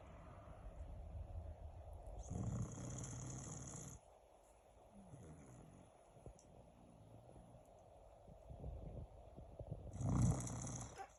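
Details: Loud, low, rumbling breaths with quieter snuffling between them: a dog snoring in deep sleep while being stroked.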